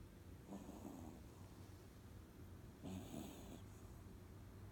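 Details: 3-month-old Chihuahua/Jack Russell puppy snoring during sleep: two soft, rough snoring breaths over a steady background hum; owner asks whether this is normal for a pup.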